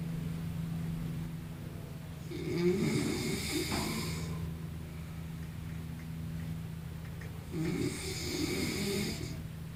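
Two loud, rattling snores over a steady low hum of room noise, each a rough vibrating breath in; snoring.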